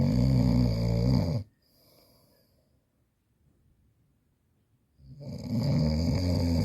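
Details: Heavy adult snoring, reportedly the wife's: loud, rattling snores separated by silent pauses of about three and a half seconds; snoring.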